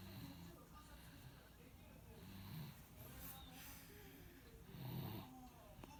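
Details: Sleeping baby snoring: soft, low, rattling snores over a few breaths against faint room noise.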